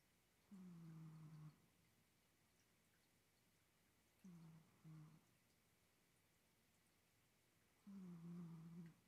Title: ASMR cat snoring